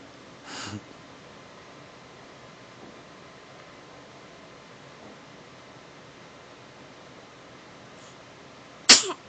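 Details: Baby's first sneeze, followed by a yawn and a wave: a quiet room, then one sudden, sharp infant sneeze near the end.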